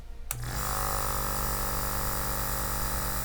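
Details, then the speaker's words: A click, then a steady buzzing motor hum as a Drive JetNeb compressor nebulizer is switched on with its side button and runs. "Make sure everything is lined up and clipped on all the way before use. And then your button to turn the motor on is right on the side."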